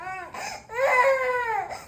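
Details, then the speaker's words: Baby crying after being put down on the bed around 7 pm playtime, not hit: loud, strained wailing in repeated bursts with brief pauses, stops when picked up; ordinary infant crying. "பாருங்க நம்ம அடிக்கவே இல்ல. ஆனா heavy அழுக இங்க பாருங்க just ஒரே second அவ்ளோதான். இதுதான் இவங்களோட அழுகு பாருங்க."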